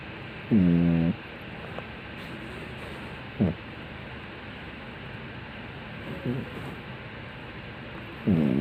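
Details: Loud snoring from a sleeping female: short, rough snorts spaced several seconds apart over a steady background hiss; intermittent snoring.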